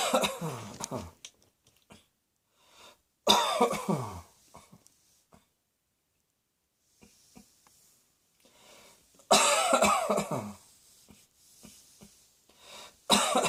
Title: Cross Dressing Coughing 77